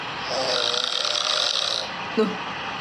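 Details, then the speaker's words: One long, rough, fluttering snore on inhalation, a hissing upper layer over a lower rattle giving a doubled sound, as if two people snoring; snoring. "Suara ngoroknya ada 2 orang loh, keren loh ini."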